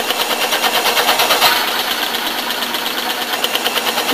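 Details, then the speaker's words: VDR4 high-frequency percussive ventilator on an ex vivo pig lung set, pulsatile flow rate 40, inspiratory and expiratory times 2 s each, oscillatory CPAP added with 1:1 oscillatory I:E: rapid steady mechanical pulsing hiss, lung oscillating through inspiration and expiration. "and now I'm going to put some oscillatory CPAP on to show you the effective oscillatory"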